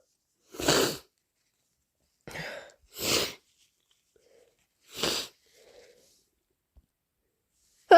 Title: Inducing with chhinkni and a cold! - Wet, strong sneezes and blows